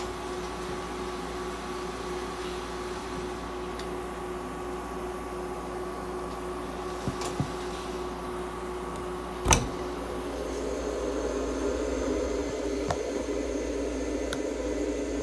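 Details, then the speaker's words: Veterinary ICU incubator giving warmed, humidified oxygen therapy to a budgerigar under treatment: steady mechanical hum with faint tones and occasional light clicks. "はい、接戦インコのみーちゃんの治療の様子です。 ICU 内で酸素療法を行っています。"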